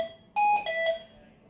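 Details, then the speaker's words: Hamilton T1 ventilator in neonatal mode ventilating a test lung during training: loud repeating oxygen supply failure alarm tones because no oxygen source is connected. "you can mute the alarms here oxygen supply failed and that means I have not connected to oxygen"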